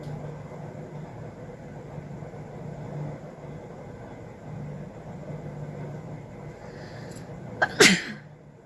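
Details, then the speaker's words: Self-induced sneeze during a nose-tickling challenge, using a stick in the nose; the person reports a burning nose and watering eyes. Steady room hum, then one sharp, explosive sneeze after a short build-up. "এই হাঁচি দিতে দিতে খুব নাক জ্বালা করে, জানো তো বন্ধুরা। চোখ দিয়ে জল চলে আসছে।"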